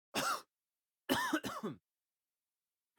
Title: Tos de Hombre (Efecto de Sonido) Male Cough Sound Effect